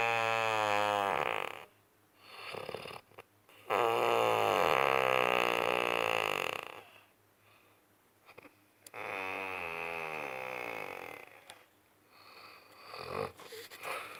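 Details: Deep snoring during sleep: loud, rattling snores in long drawn-out stretches with brief quiet gaps between them.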